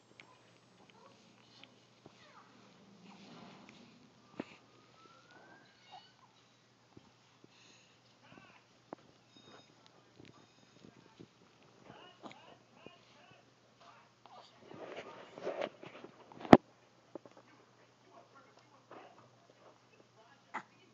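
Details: A single sharp little sneeze after a brief rustly build-up from a 2-month-old baby in a quiet room: sneezing.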